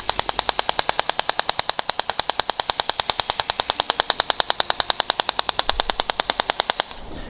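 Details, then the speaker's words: Shock wave therapy device firing while finishing Achilles tendon treatment with rotation, the head turned perpendicular to the tendon; rapid, even sharp clicking pulses at about ten per second, stopping after several seconds. "So when you're here, you fire the shots again with the head going in this direction, and then changing it perpendicular to the Achilles tendon."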